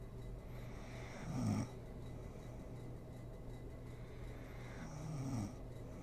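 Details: Mother snoring while sleeping, ASMR recording: two low rattling snores on in-breaths about four seconds apart over steady room hum.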